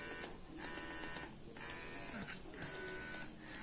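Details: Buzzing motor whine rising and easing rhythmically about once a second: an electric breast pump running in massage mode, which has adjustable levels up to 9, alongside a suction mode.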